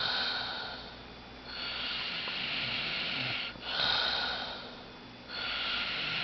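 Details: Adult male friend sleeping and snoring loudly: slow, airy breaths with a hiss on each one, in and out, under steady room noise; soft breathy snoring.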